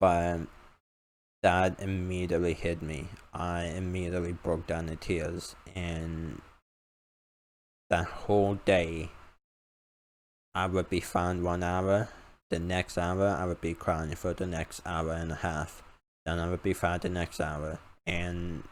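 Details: Male speaker with an uncontrollable speech impediment, improved after about 10 years of speech therapy, formerly relied on an iPad button talking device, unused for almost three years; speech impediment.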